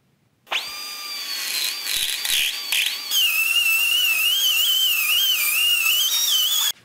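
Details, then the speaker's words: Craniotomy: a high-pitched whining drill, then an even shriller, wavering bone saw. The drill is noted as a particularly high-pitched Midas Rex, and the two sounds are distinctly different. "Je vais vous faire écouter la douce mélodie d'une craniotomie. D'abord la perceuse, et ensuite la scie."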